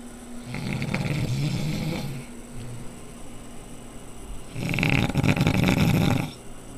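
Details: A woman snoring loudly: two long, loud, rough snores with a low rumbling rattle and a quieter breath between them; heavy snoring.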